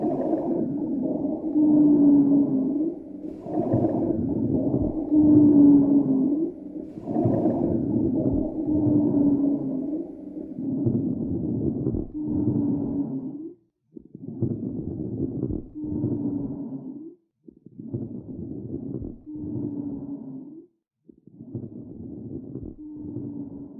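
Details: Smoker's lungs on auscultation: harsh breath cycles with low-pitched, groaning musical tones, consistent with rhonchi and wheezing.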